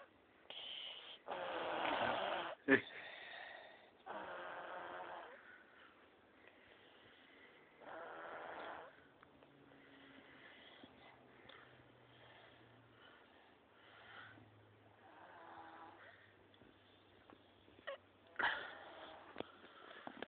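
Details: Repeated rough, rattling snoring breaths with each breath during sleep, some with a low drawn-out tone; ordinary snoring.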